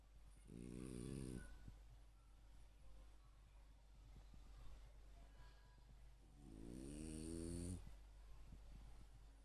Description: having some heavy sleep! Loudly snoring :)